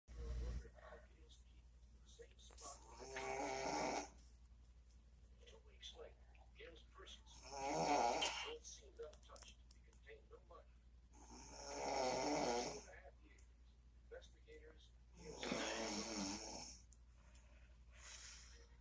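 Rough, rattling snores in a regular rhythm of about 14 per minute, with quiet gaps between them. Ordinary snoring.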